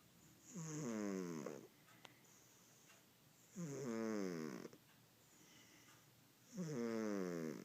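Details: Mayo, a fat cat, sleeping on the owner's lap, gives three loud, rattling snores with quiet gaps, about 20 breaths a minute; cat snoring.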